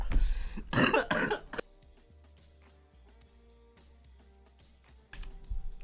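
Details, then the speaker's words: An adult live-streamer with a sore throat gives a quick run of three or four harsh, rough coughs, then quiet broadcast sound. "Yeah, sorry I have to keep muting, but my throat's fucked. So, it sounds really bad when I cough."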